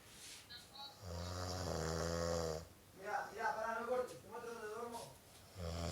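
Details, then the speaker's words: Loud, deep, buzzing snores with a rasping, saw-like quality and strong nasal resonance, alternating with noisy breathing out; heavy sleep snoring. "Oigan esta resonancia es magnífica"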